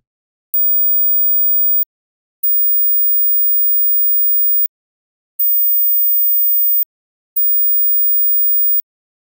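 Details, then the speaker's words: A 15 kHz sine-wave hearing test tone at −12 dB amplitude, made with a software tone generator. The very high, thin steady tone is pulsed on and off four times, with faint clicks at onset and offset. "so let's try 15k and i will just start and stop it a little bit it might click a little bit when i start and stop it but that can't be helped so sorry about"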